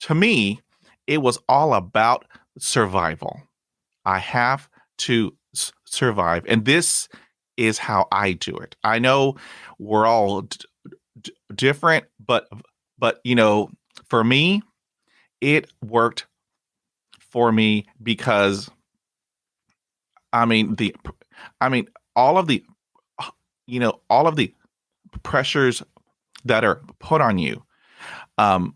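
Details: 29-year-old man who stutters, bilingual Spanish-English, currently in speech therapy and practising by talking to strangers, with no known family history of stuttering; stuttering.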